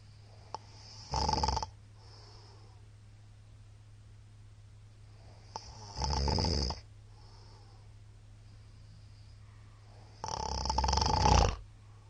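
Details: Middle-aged man snoring very loudly in sleep: three loud, harsh snores roughly every four to five seconds, about 13 breaths a minute, over a steady low hum.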